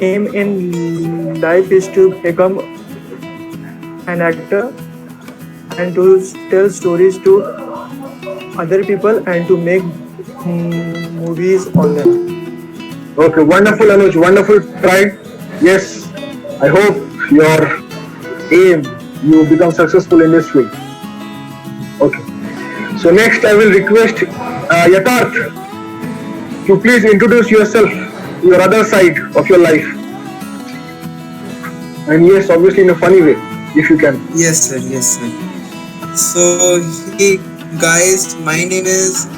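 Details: Male participant in an online session for people who stammer, introducing himself; stuttering.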